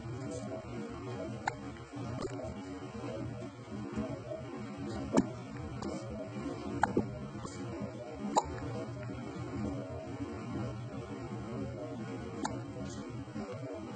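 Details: Hiccups recorded 08-2022: soft, sharp hiccup clicks at irregular intervals, about eight in fourteen seconds, with background music; recurrent hiccups.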